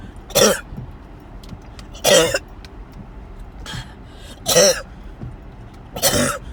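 Five forceful, harsh coughs about a second and a half apart over road noise; repeated coughing attacks.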